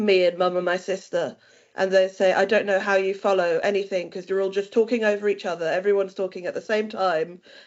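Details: Adult woman speaking; ordinary speech.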